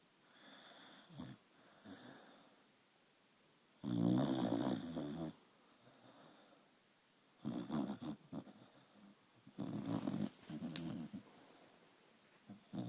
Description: Penny the dachshund snoring